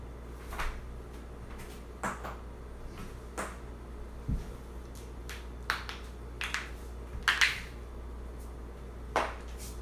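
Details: Loud joint cracking: sharp, brief pops and clicks recurring irregularly over a steady low hum, from joint cavitation.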